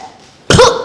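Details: Female with Tourette syndrome, onset at age 7 to 8 and diagnosed at 14, with vocal tics and echolalia; brief throat-clearing or hiccup-like vocal sound; vocal tic (throat-clearing).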